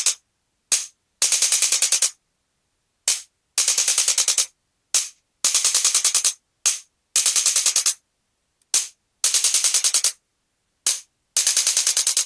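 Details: Male patient with L3–L4–L5–S1 disc bulges on MRI and bilateral sciatica with difficulty walking, during pelvic balancing and cervical adjustment: crisp rapid clicking in short bursts separated by silences, plus single snaps, from a spring-loaded chiropractic adjusting instrument.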